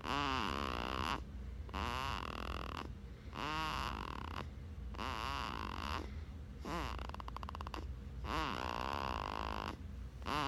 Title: 7.23.16 Baby snores